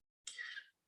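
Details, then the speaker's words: Cat (female) having a sneezing fit during an indoor craft session; single short, sharp, hissy sneeze burst. "Can you hear my cat sneezing? She's having a sneezing fit over here. It's crazy."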